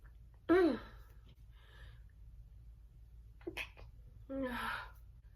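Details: One loud open sneeze, then quieter stifled sneezes with short breathy bursts; big and stifled sneezing.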